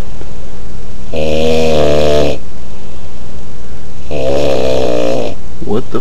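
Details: Man snoring: two long, loud rattling snores on inhalation with quiet pauses between, about ten breaths a minute; heavily clipped recording.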